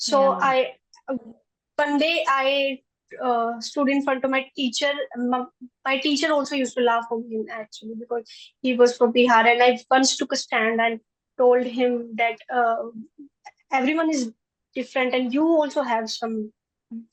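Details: A 20-year-old woman who stammers and says she stammers more in public than with family; stammering.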